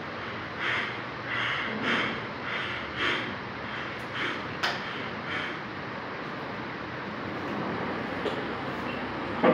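Quick, shallow, evenly spaced breath sounds repeating well under a second apart, fading toward the end over steady background hiss: tachypnea, rapid breathing.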